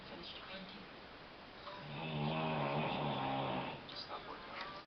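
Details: Mother snoring in her room, loud enough to be heard several meters away while family play elsewhere; she is often told she is hard to sleep near. One long, loud, rumbling inspiratory snore amid quieter breaths; heavy snoring.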